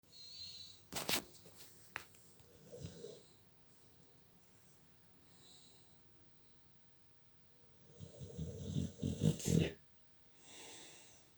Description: Daft dog, sleeps with her head in her mum's pillows and snores away, smiling in her sleep.